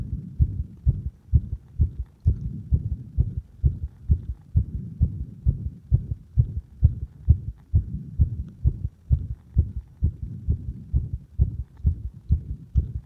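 Regular low heart thumps, roughly 65 beats a minute, heard at the apex with firm stethoscope pressure; normal heart sounds.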